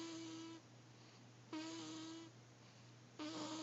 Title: snores